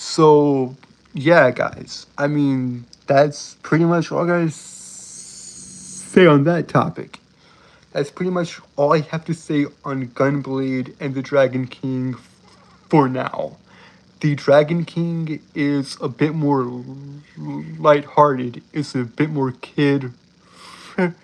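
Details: Adult male with a self-described speech impediment that makes him stutter and trip over his words, stuttering throughout his speech; stuttering.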